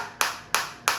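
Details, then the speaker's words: Focused (not radial) shockwave therapy device for chronic pain rehabilitation, firing against the operator's hand, where the shots are felt, as intensity is gradually raised: sharp, regular snapping pulses about three per second. "देखो बिल्कुल focus shop आ रही है file उसकी मेरे हाथ में बिलकुल feel हो रही है। और अब मैं धीरे-धीरे इंटेंसिटी कराऊंगा।"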